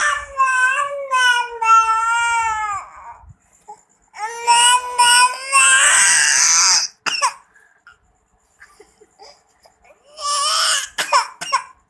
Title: Baby crying